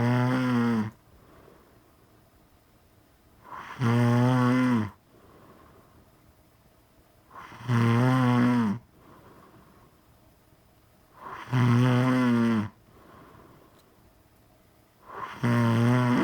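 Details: Snoring in a sleeping woman, very tired from the baby: loud, low, buzzing snores about one second each, very regular at about 15 per minute, with quiet breathing between.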